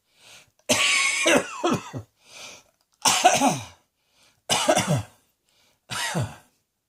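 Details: Adult lying on a bed relaxing, coughing: cough.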